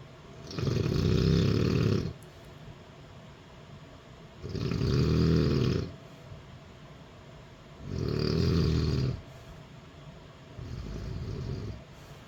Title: mom snoring